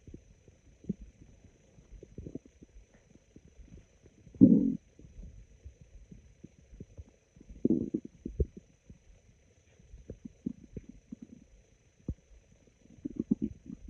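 Sparse low, raspy growls and gurgles separated by quiet stretches: ordinary stomach growling.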